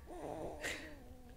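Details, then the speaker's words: Newborn baby boy asleep: a soft, snuffly snore with a brief snorting puff of breath against quiet room noise; infant snoring. "you can probably hear this guy snoring right"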